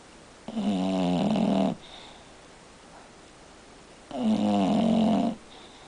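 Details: A sleeping pet gives two long, rattling, tonal snores about three and a half seconds apart, with quiet breathing between them; snoring.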